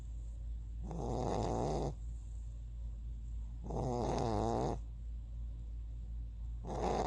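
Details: Sleeping dog with loud, rattling snores on each in-breath, about 22 a minute, and quiet out-breaths between; ordinary snoring.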